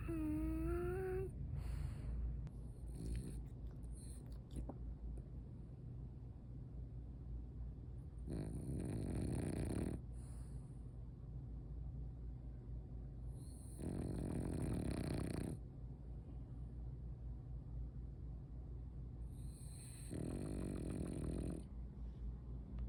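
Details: Sleeping dog snoring loudly: rough, rattling bursts about every six seconds with a steady low hum between them.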